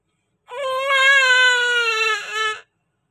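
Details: A newborn baby girl, just delivered by C-section, gives a single sustained, strong, clear wail, the ordinary vigorous cry after birth.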